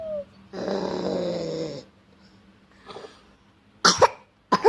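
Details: Young child pretending to snore: a drawn-out, rough throaty sound followed by short coughs. This is imitated snoring, not real sleep snoring.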